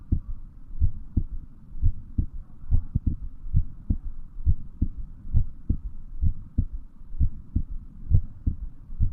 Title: Heartbeat sound